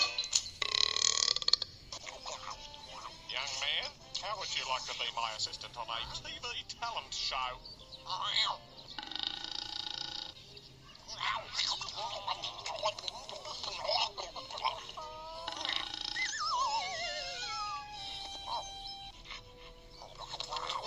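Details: Burping: repeated drawn-out, throaty belching sounds over background music.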